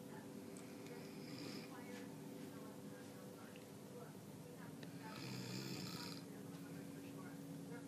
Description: Proof that Dad DOES snore.